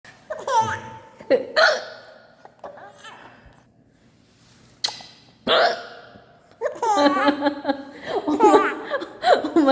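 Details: Adult mother gives short abrupt hiccups, followed by her baby's laughter and squeals; the baby then catches hiccups too. Ordinary hiccups.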